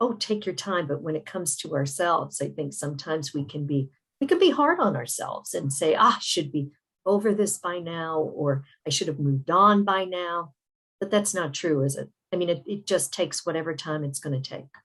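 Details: Adult speaker; typical speech.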